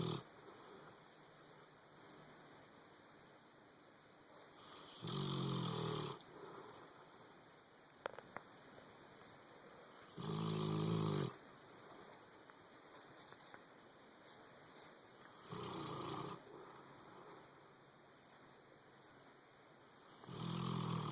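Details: A sleeping boxer dog in the owner's bed snores with regular rumbling snores about every five seconds, roughly 12 a minute, with quiet breaths between and electrical hum behind; snoring.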